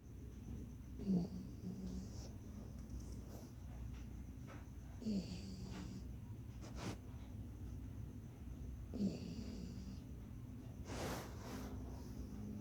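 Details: Dog snoring: soft snorting snores about every four seconds over a low room rumble.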